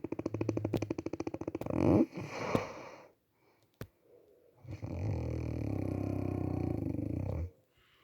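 Loud rattling snore on the in-breath, a long pause, then another sustained rumbling snore; plain snoring.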